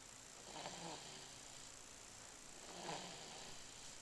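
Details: Infant snoring softly and rattly during sleep, two inhaled snores about two seconds apart, roughly 27 breaths a minute, over steady background hiss.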